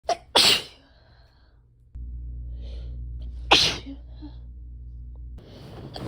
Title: July random sneezes compilation (7/14-7/20)